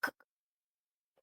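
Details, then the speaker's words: Vocal imitation of obstructive sleep apnoea, narrowed airway collapsing and sticking shut during sleep: a brief sharp snorting gasp followed by silence. "Şimdi uyku apnesi denilen şey daralmış olan nefes borusunun birbirine kuru kur hava kuruyor ya diye çekiyorsunuz havayı bu nefes borusu kuruyor ve birbirine yapışı veriyor yapıştığı"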